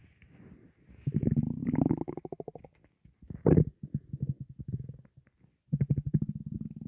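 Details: Gurgling, bubbly stomach rumbles in long pulsing runs with short pauses, varying with breathing in and out; bowel sounds from gas and air in an empty stomach, possibly hunger.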